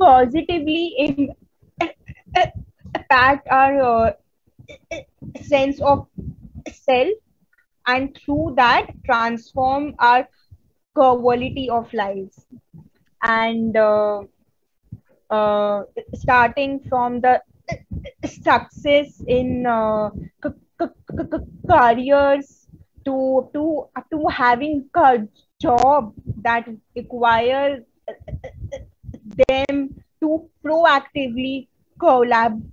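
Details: Adult woman who stutters, a member of an Indian stammering self-help association, presenting on women and stuttering at a 2022 stuttering conference; stuttering.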